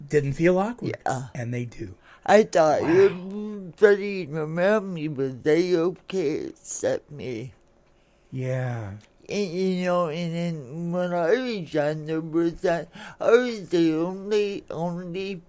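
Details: Dysarthria from congenital cerebral palsy in an adult woman born in 1959, caused by oxygen deprivation to the brain during delivery; it affects her speech and motor skills, and some listeners have difficulty understanding her.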